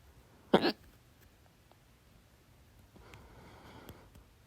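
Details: A single sharp, loud gulping hiccup in a quiet room, attributed by the person to overeating and soda; hiccup.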